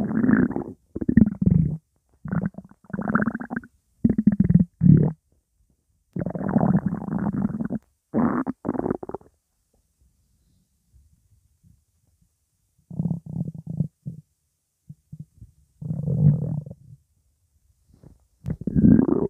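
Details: Loud, nonstop stomach rumbles (borborygmi) with background music playing: repeated low gurgling rumbles in bursts with a quiet gap, from gas and fluid moving through the gut.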